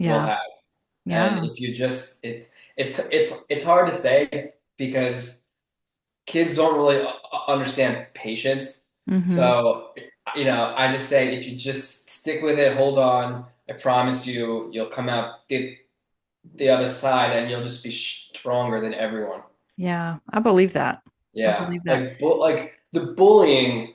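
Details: Adult male author who has stuttered since childhood and was bullied for it; he says the stutter is still audible; stuttering.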